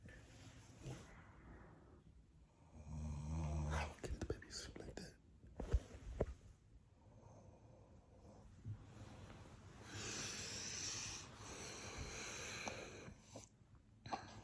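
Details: Irregular low snoring snorts from a woman who claims she doesn't snore, with rustling and faint whispering nearby while a newborn sleeps, in a quiet room; snoring.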